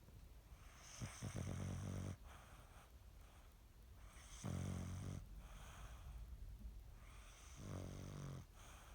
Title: Snoring Dog